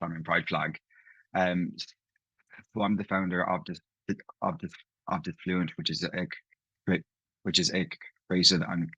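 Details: Adult man from Ireland, living in London, who stammers, with part-word and whole-word repetitions heard in his speech; stuttering.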